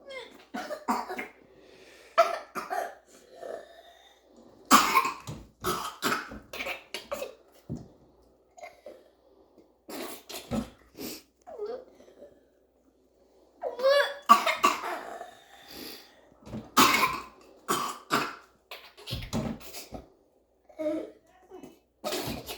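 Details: A young girl, just woken up, coughs in repeated clustered bursts with throat clearing: a sustained coughing fit on first waking.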